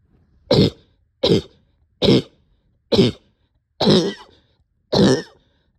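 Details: Adult short of breath with barking cough: six harsh, barking coughs, each a short, forceful burst separated by quiet.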